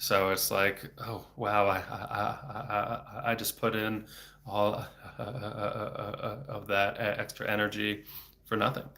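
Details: Adult male speech-language pathologist who stutters, speaking without fluency strategies; word repetitions; stuttering.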